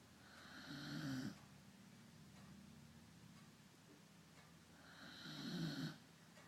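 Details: Two rough, rumbling snores about four seconds apart with quiet breathing between them; ordinary snoring.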